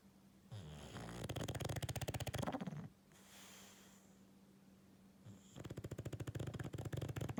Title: Snoring english bulldog